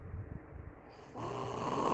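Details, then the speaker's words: Man recorded by his mother snoring overnight: a brief, low, rattling breath sound that swells into a louder, rougher snore during sleep. "parece uma motosserra pô"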